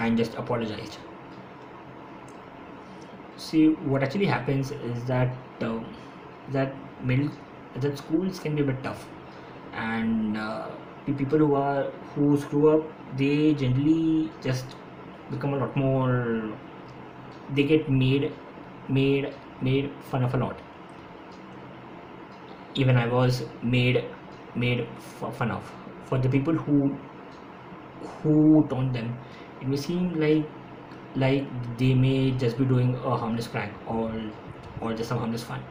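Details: Adult man who has stammered since his school years, stammering more when speaking faster; speech with repetitions; stuttering.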